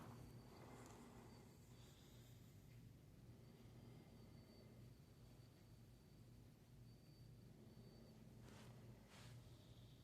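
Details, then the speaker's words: 10-year-old Respironics Remstar Auto CPAP running with mask on while breathing: quiet, steady low hum with faint, soft, low-pitched breath sounds. "All right. So, that is on and I was breathing through it. Super quiet. Like, it has a little bit of breath sound in here, but it's really low pitched."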